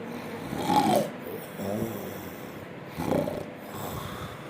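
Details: Person snoring during sleep: rough, rattling snores on inhalation with quieter breaths between; ordinary snoring.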